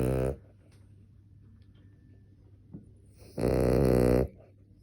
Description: Cavalier King Charles. Matilda snoring 01/03/20